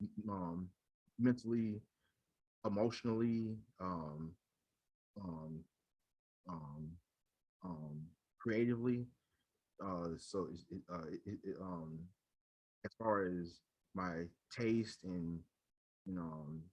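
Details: Adult man who stutters and leads a local stuttering support chapter; repeated fillers and word repetitions heard; stuttering.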